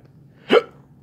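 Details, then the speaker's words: Adult hiccuping while eating a lemon drop pepper, which they attribute to capsaicin irritating the throat: a single sharp, abrupt hiccup in an otherwise quiet stretch. "But I searched up what causes the hiccups. It's when the capsaicin irritates the part that makes you hiccup."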